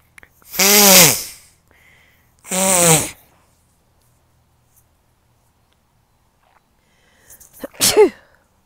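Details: Three sneezes, two loud drawn-out ones then a shorter one after a quick inhale, from a person sitting in a blooming sweet pea field outdoors who says the flowers make them sneezy.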